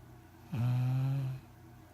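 A single drawn-out, low, buzzing snore from a sleeping dog.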